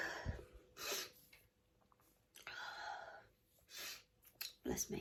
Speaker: i'm gonna sneeze sneeze and again two two that's me i'm going to sneeze again i can feel that